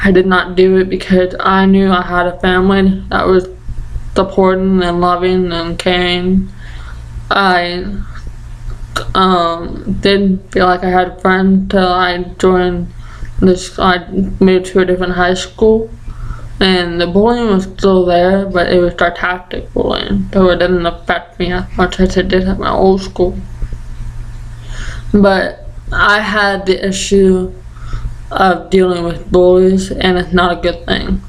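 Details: Deaf and ataxic speech in a 20-year-old deaf woman with ataxia affecting the basal ganglia and Usher syndrome; medication from about age 3, stopped about 2 years later.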